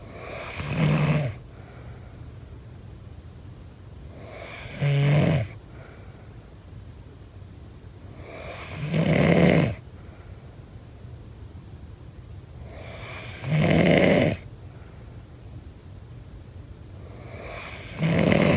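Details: Snoring during sleep: five regular, rumbling snores, about 14 a minute, with steady background hiss between.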